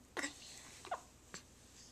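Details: Infant gives three short, sharp catches of breath: baby hiccups.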